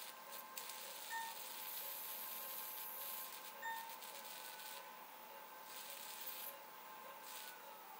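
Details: Steady high-pitched hiss and rubbing with faint tones of a phacoemulsification probe in chop mode in a 75-year-old man's dense intumescent white cataract, with pseudoexfoliation, poor mydriasis and weak zonules, during vertical chop.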